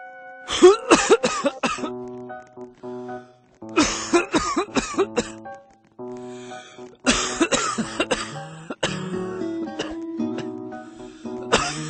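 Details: Repeated bursts of harsh coughing in clusters over background music; person reports a viral illness and cannot stop coughing.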